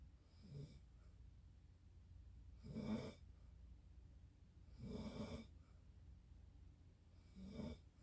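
Rhythmic, rattling snores on each breath in, about four in eight seconds, with a steady low room hum between them.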